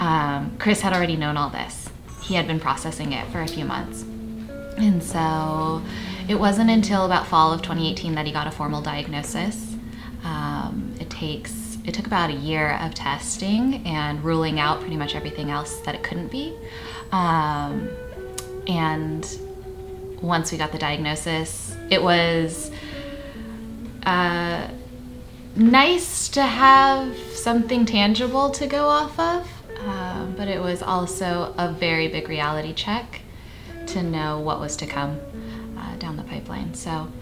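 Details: Adult speaker; Typical speech.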